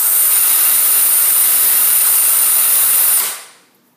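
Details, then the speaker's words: Home liquid oxygen system, base unit and portable (C41/C1000): vent tab pulled to fill the portable, giving a loud steady hiss of gas escaping that then fades; normal venting, later turning to liquid with white plumes. "there is a vent tab here which is marked with numbers that you must pull down to let gas Escape so that liquid can enter the portable and by doing so we're actually going to hear that gas Escape through the system and it may be loud at first"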